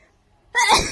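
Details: A single sudden, explosive sneeze with a sharp onset, recorded in a hotel.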